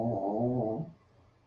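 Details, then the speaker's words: Puppy snoring in the background during a yoga class, a soft ocean-like sound. "excuse the little puppy snoring in the back, and exhale. It is the sound of the ocean, the natural, soothing sounds of dog snore ocean."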